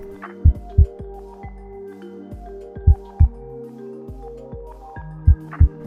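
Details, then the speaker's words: Slow, regular paired heart sounds at about 25 beats a minute over soft background music, demonstrating bradycardia (slow heart). "Así se escucha una bradicardia o un corazón lento."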